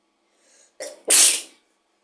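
A soft breath in and a brief catch, then one loud, hissing, explosive sneeze that fades quickly in a quiet room.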